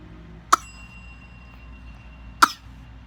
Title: Fake coughing 4 month old.